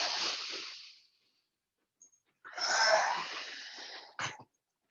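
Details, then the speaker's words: Dog coughing in the background, harsh wheezy hacking bursts in a small room; the dog has reflux and takes tablets for it; dog cough. "many apologies if you can hear my dog having a cough in the background"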